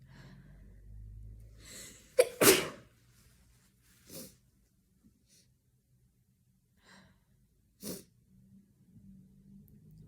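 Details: Sneezing during a bad sneezing cold: a loud, forceful sneeze with a sharp inhaled build-up, then a few smaller sneezy bursts in a quiet room.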